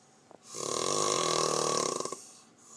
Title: Dumpy snores